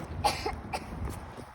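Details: A child's persistent, troublesome cough of unclear cause (allergy or illness uncertain; others say the child is healthy): a few short, dry coughs in quick succession against quiet room noise.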